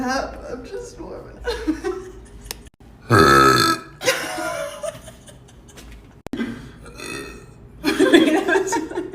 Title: loud burps by girl